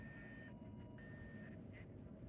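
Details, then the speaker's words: Critical alarm of a newly implanted baclofen pump in a 15-year-old with cerebral palsy, played as a demonstration: faint muffled alternating electronic tones, repeating every 10 minutes, signalling dying battery, pump not delivering medicine, or empty reservoir. "And that will go every 10 minutes. And that's enough. I'll play one more time. Wonder if I would hear that on your monitor. Um, so things that this alarm will go on for, the battery is dying, right? So the the pump is about to die."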